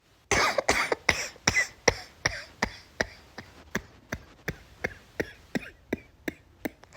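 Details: A rapid run of about 18 short coughs, the first ones loose and rattly; a congested, wet cough.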